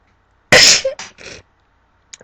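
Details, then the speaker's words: Sneezing from a person who says they have allergies. "got all of my allergies I'm allergic"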